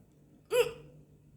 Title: Woman hiccups after lunch . #hiccups